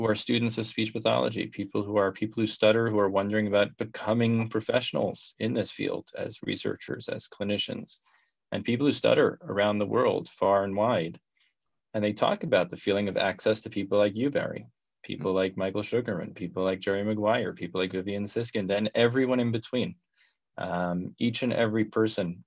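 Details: Adult male speaker; fluent speech.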